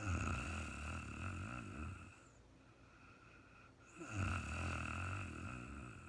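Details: Adult woman asleep, very tired, recorded in real time: two long, low, rattling snores on inhaled breaths with a quiet pause between; ordinary snoring.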